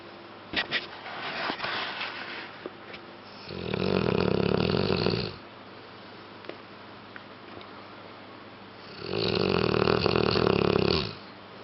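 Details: Two long, loud, rattling snores about five seconds apart with quiet breathing between, from a sleeping dog; snoring.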